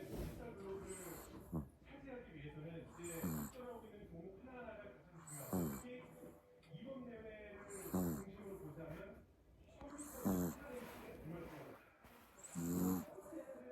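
Rhythmic snorting snores with squeaky whistling sounds, about 25 a minute, from a sleeping puppy; snoring.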